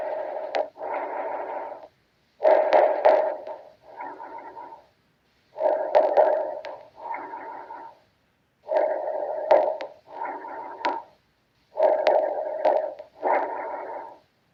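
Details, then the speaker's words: Normal bronchovesicular breath sounds heard adjacent to the spine over the main bronchi: amplified soft rushing breaths, about 19 per minute, inspiration and expiration of nearly equal length with a brief gap. "Entonces, eh como su mismo nombre lo dice, duran casi igual que la inspiración."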